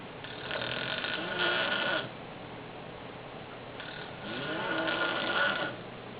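Two long, rough, rattling breaths during sleep, separated by quiet exhalation: ordinary adult snoring.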